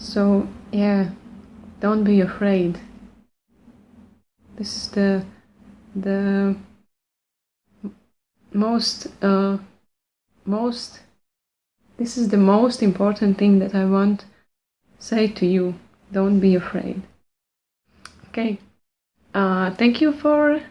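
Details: Lifelong stuttering since childhood in an adult woman speaking English, not her first language, while working on her speech with the Pro90D program; part-word and phrase repetitions and revisions; stuttering.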